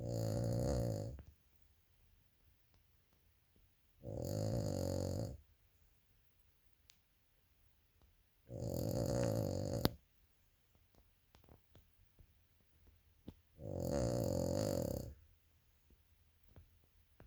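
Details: Four loud, rattling snores about every 4.5 seconds, with silence between, from a Cavalier King Charles Spaniel sleeping soundly; steady snoring.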